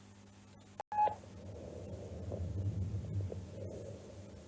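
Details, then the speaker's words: Bronchial breathing, heard above the angle of Louis and arising from the large airways, in both inspiration and expiration: after a click, a low, hollow breathing whoosh that swells and fades; bronchial breath sounds. "Vamos a ver ahora cómo se escucha la respiración brógica. sonido de origen eh de vía aérea gruesa, inspiratorio y expiratorio."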